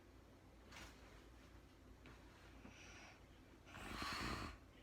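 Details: Real-time recording of an adult woman sleeping: a soft first breath, then a louder, rattling breath, which is snoring.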